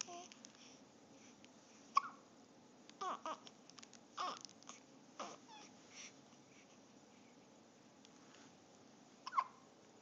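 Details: Infant girl with hiccups: about five abrupt little hics, several about a second apart, among soft babbling and breathing.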